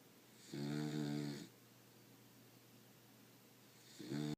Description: My beagle snoring loudly